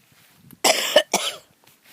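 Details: Adult woman coughing outdoors while filming her garden on a sunny spring day; two harsh, loud cough bursts with a short pause between them. She apologizes, having expected to cough once she started talking.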